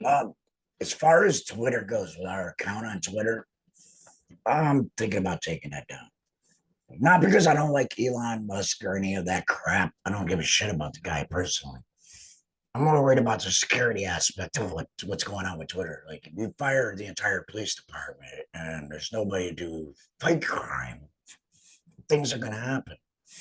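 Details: Adult male, total laryngectomy about two and a half years earlier for cancer treated with chemotherapy and radiation, uses an HME, apparently esophageal speech; stoma hurts after heavy talking; alaryngeal speech after total laryngectomy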